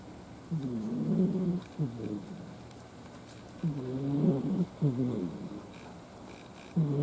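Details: Ai, a formerly stray cat, snoring loudly while asleep: rattling, rumbling snoring breaths about 20 a minute.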